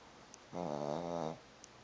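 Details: Snoring: a single rumbling, buzzy breath-in of under a second in a quiet room.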